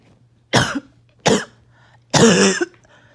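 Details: Bad, uncontrollable cough, with little chest pain this time while on medication: three harsh, forceful coughs in quick succession, the last longer and rougher, barking-sounding.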